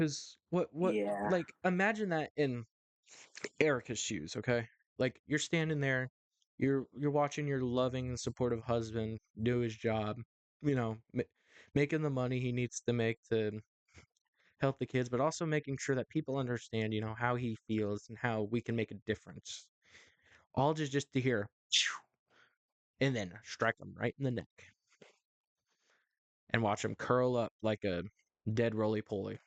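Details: Adult male host with a stuttering issue he says is worse when talking on camera or to someone important, occurring every so often; repetitions audible; stuttering.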